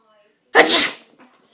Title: most frightening sneeze ever